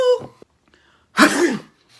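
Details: A sneeze acted in a comedy skit: a short vocal sound followed by one sharp, explosive burst of air, a single sneeze.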